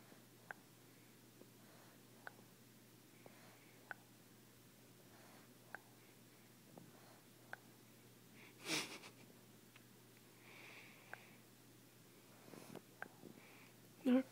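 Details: Faint, soft popping clicks recur every couple of seconds from an infant napping in a parent's arms, with one brief snort: a popping, near-snoring infant snore.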